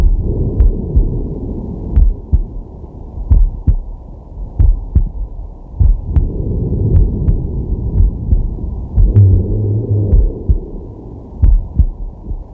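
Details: Man's heart and breath recorded with a digital stethoscope on his chest while relaxing: steady, regular lub-dub beats at about 50 a minute, with soft breathing and faint rubbing noise; normal heartbeat.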